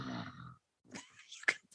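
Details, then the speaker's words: A woman snoring while sitting, asleep from tiredness, picked up during a podcast recording; snoring. "totally hear her snoring. I love that she's just snoring, sitting here. She was clearly very tired."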